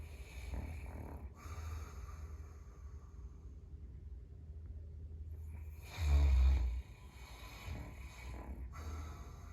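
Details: Caucasian Shepherd (Ovcharka) dog sleeping in the entryway: deep, low rumbling snores with one louder snorting breath midway; fairly tame snoring.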